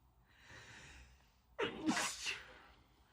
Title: Chhinkni Sneeze Fit